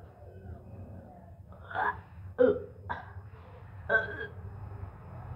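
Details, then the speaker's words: Four short harsh throat bursts of hawking and gag-like retching while cleaning the tongue with a tongue cleaner; the person says it felt like vomiting because they cleaned deep inside; quiet room hum. "तो चलिए, उल्टी जैसा लग रहा है क्योंकि बहुत अंदर से कर रहे थे ना।"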